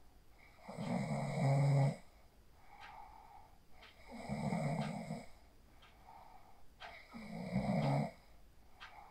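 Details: Person asleep after practising the 4-7-8 breathing technique, recorded on a phone: three loud, rough snores on the in-breaths with quiet breathing between, about 20 breaths a minute, in a quiet room; snoring.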